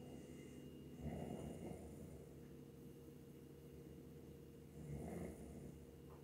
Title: Snoring bear